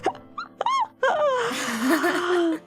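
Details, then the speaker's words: Brief high, squeaky, bird-like chirps of a woman's hiccup, first mistaken for a squeaky dog toy, followed by a longer voiced sound with a falling pitch. "oh that was your hiccup i'm sorry"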